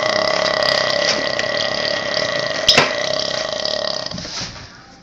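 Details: One huge, long, loud, rumbling burp that fades out toward the end.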